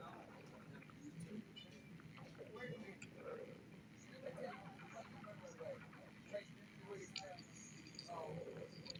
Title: Poppy's stomach growling 16